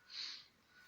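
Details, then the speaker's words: 12-year-old girl sneezing about 20 times a minute for three weeks after a funny feeling in her nose; one brief, sharp, airy sneeze burst, then quiet room noise; doctors call it a tic, cause unknown: tic-related sneezing. "w averaging about 20 sneezes per minute and so far doctors the Texas Children's Hospital in Houston haven't been able to figure out exactly what is causing the uncontrollable sneezing referring to the condition as a tick"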